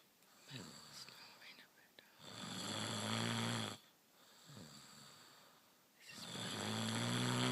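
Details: Woman snoring in her sleep, unaware that she snores: two long, loud rattling snores on breathing in, separated by quieter breaths out, with faint room noise.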